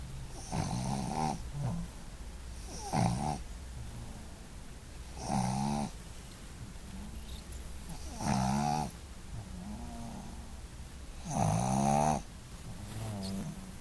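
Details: Sophie, a Boston Terrier, snoring while asleep: five loud rattling snores about every three seconds, roughly 20 breaths a minute, quiet breathing between.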